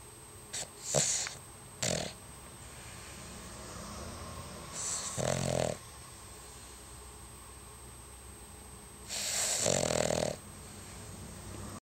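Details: Sleeping Cavalier King Charles spaniel dog snoring, as it does daily: irregular snorting snore bursts over a steady background hiss.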